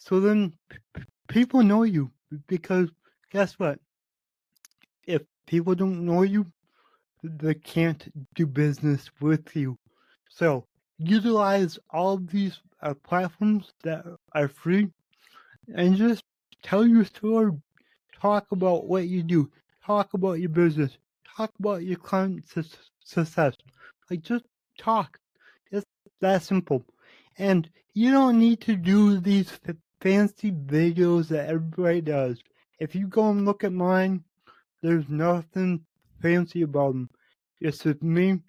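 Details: Adult man with cerebral palsy, which he says affects every muscle in his body; he reports his speech has improved over the past 8 months as his health improved; real spontaneous speech; dysarthria associated with cerebral palsy.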